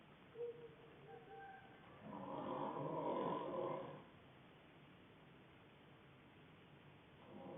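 A single low, rough, rattling snore on an in-breath, then quiet; muffled recording; ordinary snoring.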